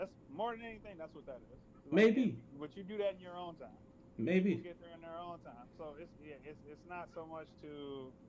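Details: Adult male speaker; Normal conversational speech.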